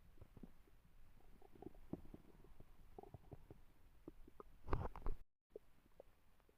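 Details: Stomach growling (borborygmi): irregular low gurgles and rumbles from the abdomen, typical of normal gut movement.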